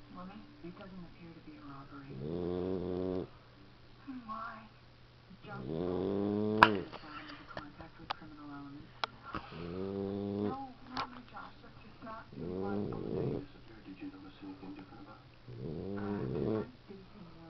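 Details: Repeated soft, whistling, squeaky snores with breathy breaths between, about 17 a minute, from a sleeping 13-week-old Boxer puppy; snoring.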